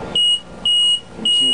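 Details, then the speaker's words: LP10 ventilator demonstration: tubing popped off to simulate patient disconnection, triggering repeated loud, high-pitched beeps about twice a second, a low pressure alarm that latches and needs resetting. "a low pressure alarm means that he becomes disconnected this needle will not move"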